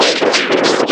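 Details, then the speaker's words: Harsh, hissing, noise-like sound with no clear words: a simulation of how speech in background noise sounds through a cochlear implant; simulated, not real CI recording. "Number four, ingay sa background. Ang aking patuloy na katotohanan. Narito ang isang segment mula sa isang simulation ng pag-unawa"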